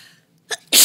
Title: Stream of Consciousness 365: Day 42: Sneeze into a Daze